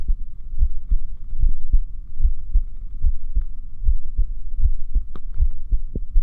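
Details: Recording of the person's own heartbeat: steady low double thumps at about 74 beats a minute over a soft hum; an ordinary heartbeat.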